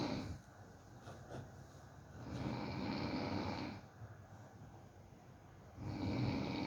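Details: A dog (Macky, also called Smart) snoring while being helped to fall asleep.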